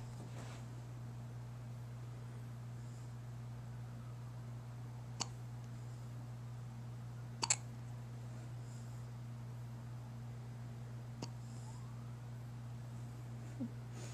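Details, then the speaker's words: Little baby girl with hiccups: about four brief, abrupt hiccup clicks spaced a few seconds apart in a quiet room with steady hum. "It's a big hiccup from a little baby."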